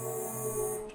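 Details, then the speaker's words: Simulated phacoemulsification on an artificial eye model: a steady humming, buzzing machine tone without breaks as continuous ultrasound is used for lens sculpting, with the handpiece advanced in pedal position three touching the lens to make a trench. "station for you to see how we can do sculpting in this case we're going to use continuous ultrasound"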